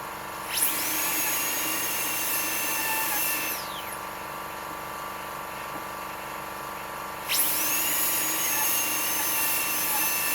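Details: High-pitched dental drill whine spinning up, running and winding down twice: handpiece with 170 L bur reducing the incisal edge of an upper left canine (tooth 23) on a practice model for a PFM crown, checked with a putty index (about 1.5 mm reduced).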